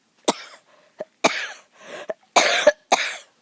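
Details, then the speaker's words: Five sharp coughs with brief throat-clearing between them in a quiet setting: a dry cough that the person says comes on when they talk a lot, not constantly. "I notice that when I start talking a lot I start coughing but I don't really cough all the time it's just when I talk"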